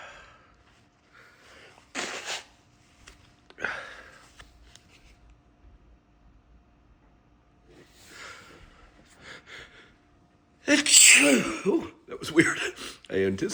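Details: Loud burst of strong sneezes near the end, after snorts and sniffs and nose-blowing, induced by sniffing sneeze powder midday for an energy boost; sneezing.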